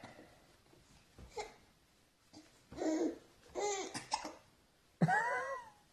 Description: Baby has a mild case of hiccups after dinner.